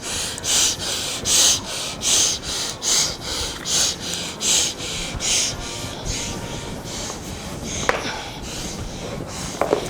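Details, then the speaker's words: Simulated asthma attack in a first-aid demonstration, patient placed sitting up with tight clothing loosened: rapid, loud, hissing laboured breaths in quick succession, then quieter breathing. "I put the patient in a sitting up position, losing tight clothing."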